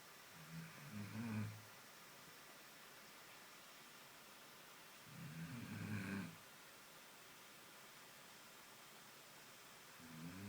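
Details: Dog sleeping after a long walk in pouring rain, snoring slowly and roughly about every five seconds, roughly 12 breaths a minute, in a quiet room.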